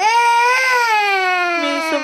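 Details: Infant born with low birth weight, aged 1 year 3 months 21 days, crying hard before his mother settles him to sleep: loud, sustained wail with a clear, strong tone falling toward the end.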